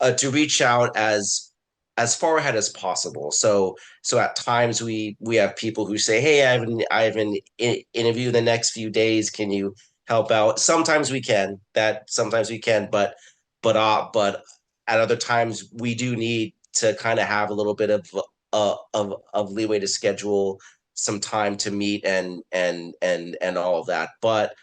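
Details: Stuttering in an adult man who had speech therapy and went through desensitization to his own stuttering.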